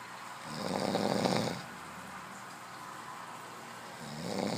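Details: Male snoring: a low, rumbling inhaled snore lasting about a second, then quiet, then the start of another. Someone reportedly put water in his mouth while he slept.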